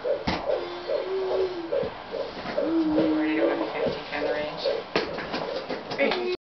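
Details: Fetal heartbeat on Doppler, May 2009: rapid, regular whooshing pulses at about 145 a minute, a normal fetal heart rate.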